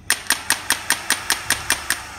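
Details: Crisp clicking shots repeating evenly, five per second: a dual-channel SmartWave shock wave therapy handpiece firing during a device demonstration.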